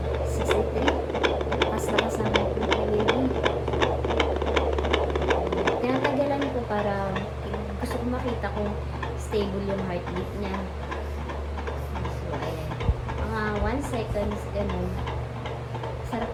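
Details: Handheld fetal Doppler heart rate monitor with LCD picks up rapid, regular whooshing pulses at about 160 a minute during pregnancy: fetal heartbeat.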